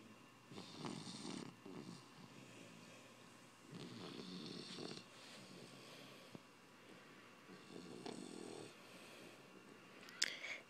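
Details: Sleeping bully puppy snoring gently: soft, fluttering breath noises about every three to four seconds over quiet room noise.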